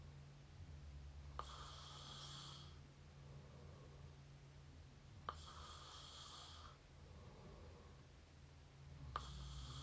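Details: Close-up mouth snoring: three rasping snores on the in-breath, about 18 a minute, each starting with a click, over a low steady hum.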